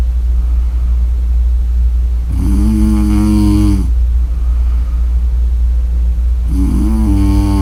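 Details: Person snoring: two loud, droning snores on breaths in, with a steady low room hum between them.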